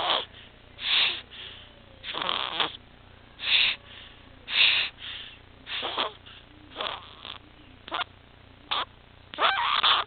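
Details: 6-week-old infant, later diagnosed with laryngomalacia, tracheomalacia and micrognathia (Pierre Robin sequence), with apneic pauses and retractions. Fast, harsh, noisy breaths at about 55 a minute: inspiratory stridor.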